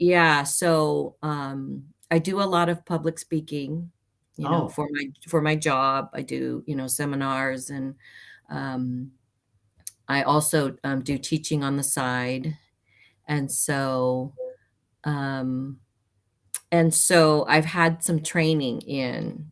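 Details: Aphasia with halting speech, worse when nervous, in an adult woman about 30 years after a traumatic brain injury from a May 1990 car accident; she also has mild low-tone hearing loss on one side.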